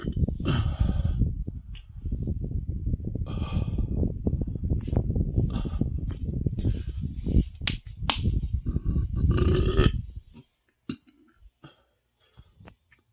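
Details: Long, deep, rumbling burps running almost continuously for about ten seconds, then quiet, after eating a whole box of pasta with marinara and ricotta, about 15 meatballs, then cake and ice cream; belching.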